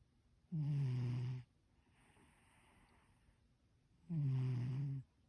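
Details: Sleeping cat, deep buzzing snores on each in-breath with soft breathing between; snoring.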